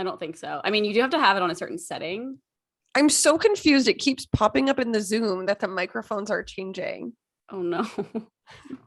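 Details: Adult woman speaking; normal voice.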